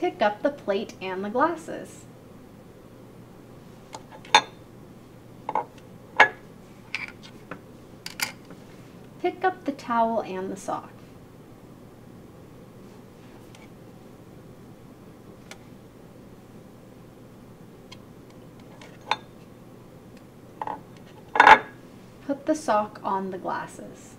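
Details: Adult speaker giving instructions; normal speech.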